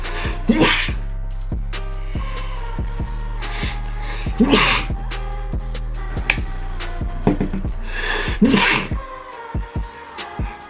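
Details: Several sharp, explosive sneezes, deliberately uncovered, from a person who filmed themselves sneezing over a week; the sneezes come a few seconds apart over loud background music with a heavy beat.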